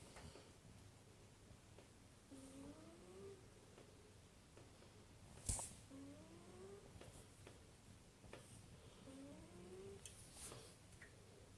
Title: Cat snoring very quietly